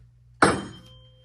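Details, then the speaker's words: Weber hearing test in a head and neck assessment: a single sharp strike of a tuning fork, then a faint steady ringing tone that fades as the fork is placed on top of the head; the patient hears it in both ears. "i'm going to check with the toning fork and i'm going to apply this one the toning fork on your top of your head and then just let me know when you can uh here in both ear okay"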